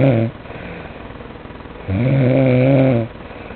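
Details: Ordinary loud snoring: two loud, buzzing, voiced snores about two seconds apart, with softer breathing between.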